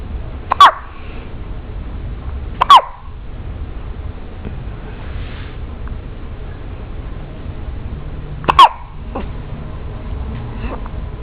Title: hiccups!